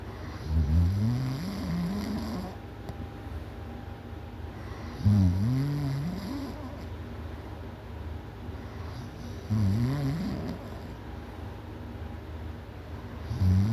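Loud, low rattling snores recur about every four to five seconds, roughly 13 a minute, with quiet breathing between them.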